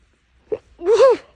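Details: A short indrawn catch followed by a single voiced, explosive sneeze in a quiet room, after days of nasal irritation and possibly inhaling something while making lunch; sneezing.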